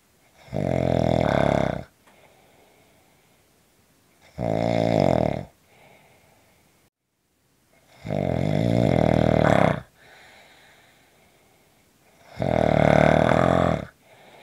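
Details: Loud, rumbling snores on each breath in, about 16 per minute, with quiet breaths out between them.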